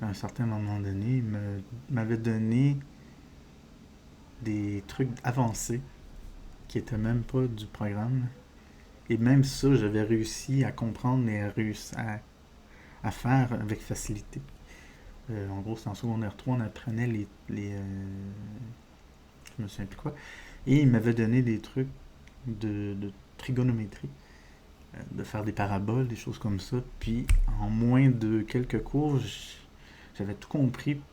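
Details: Adult male with diagnosed ADHD, disfluency he says resembles stuttering but is not stuttering, linked to wanting to speak faster than he can express himself: speech disfluency (stuttering-like)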